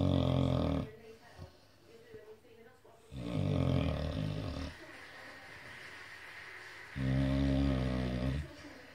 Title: Snoring again